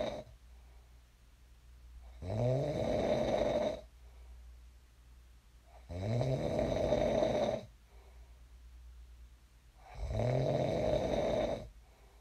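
Loud, rattling snores on each in-breath, three in about twelve seconds with quiet out-breaths between: ordinary sleep snoring.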